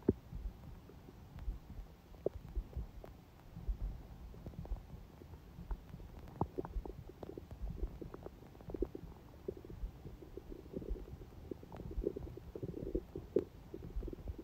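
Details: Stomach sounds on a day with smoothie breakfast and salad, owner noting the stomach stayed quiet even when hungry: soft, scattered gurgles and low rumbles over quiet background; ordinary bowel sounds.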